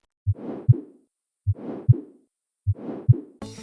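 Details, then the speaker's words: Simulation of pulsatile tinnitus, as described in CSF-venous fistula: slow rhythmic whooshing pulses at about 50 a minute, each a soft thump followed by a rushing swell, representing blood flow and pressure changes heard near the ear. "Bạn có thể bị ù tai, đặc biệt là ù tai theo nhịp đập. Đây là âm thanh của sự nhiễu loạn; bạn thực sự đang nghe thấy dòng máu chảy và sự thay đổi áp suất gần tai vì"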